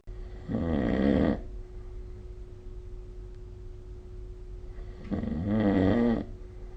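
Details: Sleep snoring recorded with the SnoreLab phone app: two vibrating snores about four to five seconds apart, roughly 13 breaths per minute, over a steady background hum. Snoring.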